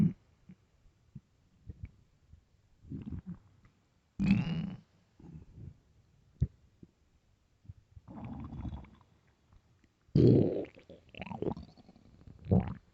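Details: Loud gurgling, rumbling stomach growls from hunger after a long day, coming in bursts with quiet gaps between them; normal bowel sounds.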